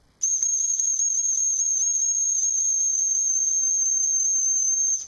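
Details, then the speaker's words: Steady, very high, thin whistle with breathy hiss lasting about five seconds: a Remington R1574 silent dog whistle, blown with a frequency sweep, used to test a dog's high-frequency hearing for BlindSight device use. "it's quite irritating that sweeps the frequency and that helps to ensure that it will hit sort of a sweet spot with your dog"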